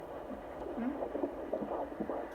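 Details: Fetal heartbeat of a baby girl on Doppler at a doctor's visit: fast, rhythmic whooshing pulses over a muffled hum.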